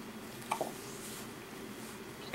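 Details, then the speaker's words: Newborn, hours old, in hospital gives a single short soft hiccup in a quiet room; hiccups. "Got the hiccups."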